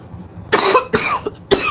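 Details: Three sharp coughs close together after a quiet start, from a person who says they can hardly breathe; a brief coughing fit.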